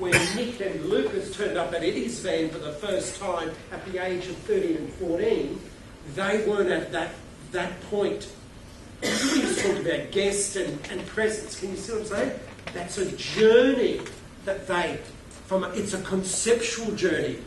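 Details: Adult male keynote speaker with a self-reported stutter who finds microphones scary, speaking at a conference; stuttering.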